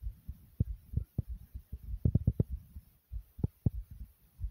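Quick, closely spaced low thumps of a fast-beating heart, with soft low rumbling between beats.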